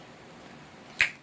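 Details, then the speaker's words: A single sharp popping sound against quiet room noise. It is a vocal tic in a person with Tourette syndrome, who says the popping happens more when nervous. "No, because I have Tourette's, so that popping sound that you hear is actually not me being ghetto. It's actually one of my tics."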